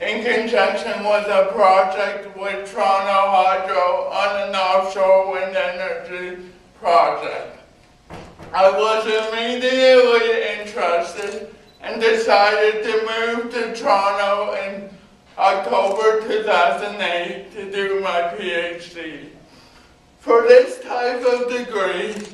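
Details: Male university speaker with cerebral palsy who needs a scribe for coursework; dysarthric speech in cerebral palsy.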